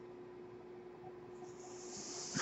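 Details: Mechanical ventilator breathing cycle heard behind a podcaster who notes the noise is his own ventilator: a steady low machine hum, then a rising airy hiss ending in a soft puff during breath delivery.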